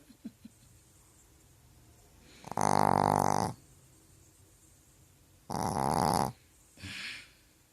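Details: Loud rattling snores from a sleeping pet dog, each lasting about a second, in a quiet room.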